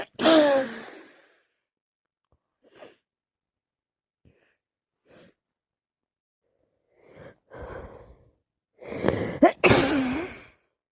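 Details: Worsening common cold with non-stop sneezing, nose blowing and coughing: a forceful sneeze, quiet sniffs and breaths, then another burst of sneezing with nose blowing, in a quiet room.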